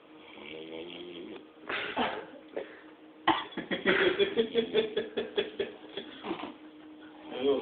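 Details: Drunk man snoring: rough, rattling snores in a rapid, rhythmic series of bursts, loud against a quiet room.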